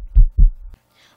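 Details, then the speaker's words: Heartbeat heard through a stethoscope held to the middle of the chest in an educational science video: a single deep lub-dub, two low thumps close together. "if you hold the stethoscope to the middle of your chest just listen to what you can hear that's the sound of a beating heart"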